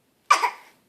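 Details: A young child deliberately produces a single brief, light fake cough to get attention at 6am, not from illness; voluntary (fake) cough.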